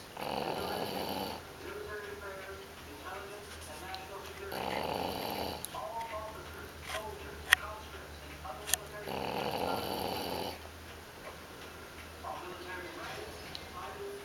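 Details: Sleeping English Bulldog puppy snoring: three loud rattling snores about every four seconds, with quieter breathing noises and a couple of clicks between.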